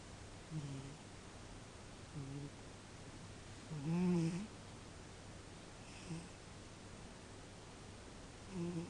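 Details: Snoring from a sleeping cat: soft, low, rumbling snores about every one and a half seconds over steady room hum.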